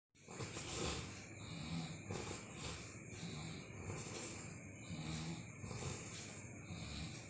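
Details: Heavy snoring during sleep, likened to a dragon's: loud, rumbling snores with each breath, about one a second, over steady background noise.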